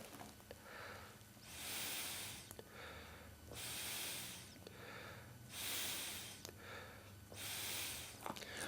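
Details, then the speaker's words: Breathing through a mask into a water-column chamber to measure breathing pressure (CPAP teaching demo): slow, steady breaths with loud airy rush, about 15 per minute, at roughly 17 cm water pressure with little effort. "If I breathe in and out through this mask into the chamber, the pressure that I'm breathing at can be measured by how far the water moves up the column."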